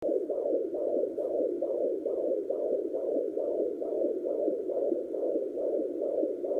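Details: Fetal heartbeat at 29 weeks (28 weeks 6 days) of pregnancy, male fetus, on a pocket fetal Doppler: rapid, regular whooshing pulses at about 140 beats a minute.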